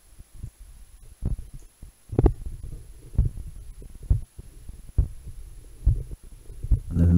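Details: Normal heartbeat recorded through a homemade electronic stethoscope, an analogue stethoscope with a lavalier mic in the tubing, diaphragm on own chest over heart: steady, regular low thumps at about 65 a minute, faint hum.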